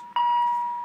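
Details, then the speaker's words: Philips MRx transcutaneous pacing started with the start-pacing button after setting pacer rate and output: a single steady electronic tone; full capture not yet achieved. "start pacing is something that you'll have to push or else it will not start"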